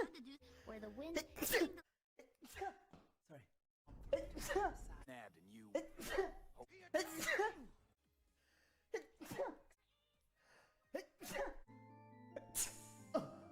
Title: 100 sneezes